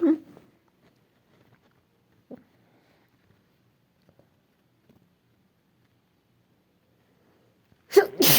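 Short sharp bursts separated by long quiet gaps, with one loud sneeze at the end, a bout of sneezing.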